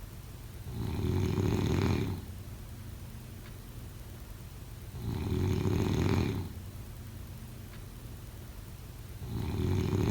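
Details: Loud, low, rattling snores on each breath in, about 14 breaths a minute, with quiet breaths out between them in a small room; snoring.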